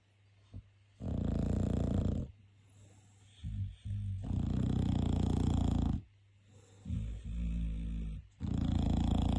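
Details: Bulldog, possibly awake or asleep, snoring: deep, rumbling snores with fluttering breaths between them, about one snore every few seconds. Snoring in a short-nosed dog.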